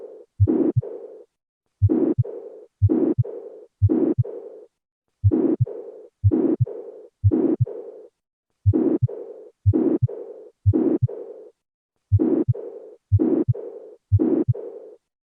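Regular heart sounds near 72 a minute, each beat with sharp sounds and a trailing murmur; mixed mitral valve disease, both narrowing and leaking.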